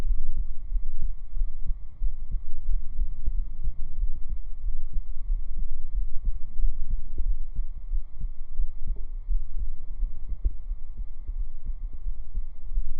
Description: Every heartbeat is real, recorded up close with binaural microphones so it feels like you're right here with me while I whisper you to sleep with slow hand movements and calming personal attention.